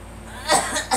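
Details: Girl with a single short cough burst after a brief quiet lead-in; a plain cough.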